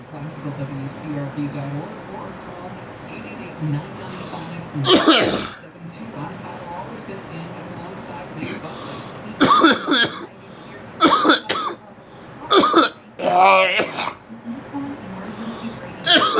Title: Me coughing